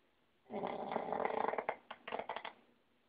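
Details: Snoring: one long rattling snore on the in-breath, followed by a few shorter snorting bursts in a quiet room.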